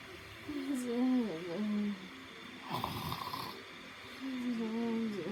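Two drawn-out, pitched, wavering snores separated by a noisy breath, with a quiet room behind.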